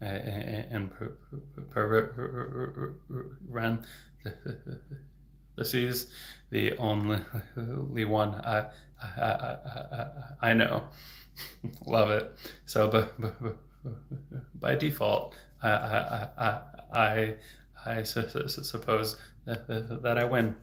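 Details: Adult male speech-language pathologist who has stuttered since age 8, speaking openly in a livestream, with word repetitions: stuttering.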